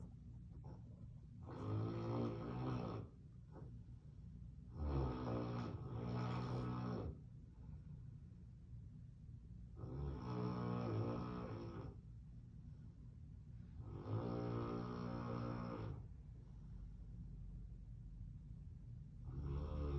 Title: Snoring like a GROWN man! 😩🥴 Unbelievable 😞 #canecorso #dog #corso